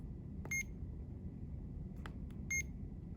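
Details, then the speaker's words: CADD Legacy Plus ambulatory infusion pump: two short electronic beeps with faint button clicks as the start button is held for 3 seconds to start the infusion. "All right, so now we can stop it by holding it down for 3 seconds, and you'll hear the beeps again."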